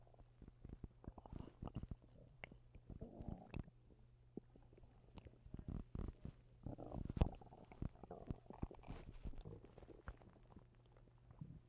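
Irregular low gurgles, pops and rumbles from the belly over several seconds, with a faint steady hum behind them. Active bowel sounds.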